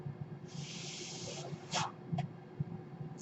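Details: Breath cycle of the speaker's own home mechanical ventilator, audible in the background while they talk.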